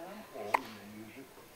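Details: A single short, sharp, involuntary hiccup rises out of quiet room noise with a faint voice nearby; recurring hiccups.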